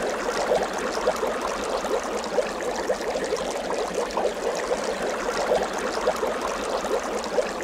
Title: OXYGEN CONCENTRATOR NEBULIZER MACHINE PORTABLE RECHARGEABLE FOR HOME & TRAVEL USE 1 6LMin